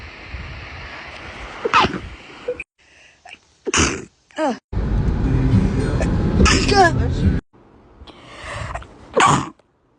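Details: Compilation of several short, muffled, suppressed sneezes in a row, with brief talk and room noise between them; stifled sneezes.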